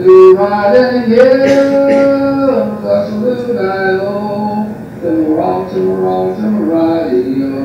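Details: Aphasia in a man who uses a two-tone melodic intonation pattern to make his speech intelligible.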